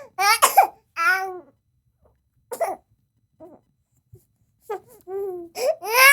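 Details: Crying baby sound effect: short, high-pitched infant fussing cries in bursts separated by brief pauses and small whimpers.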